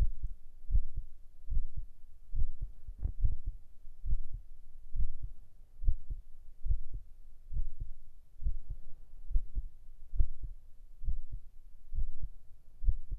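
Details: Normal heartbeat in a binaural ASMR recording made for sleep and relaxation, earphones recommended: steady, soft, regular paired thumps at about 70 beats a minute.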